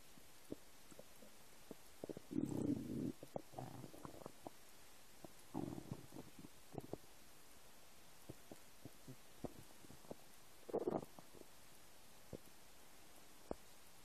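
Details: Empty stomach: irregular gurgling and rumbling with scattered clicks over a quiet background; ordinary stomach rumbling (borborygmi).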